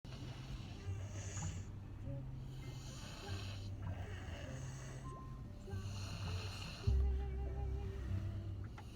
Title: Snoring in the car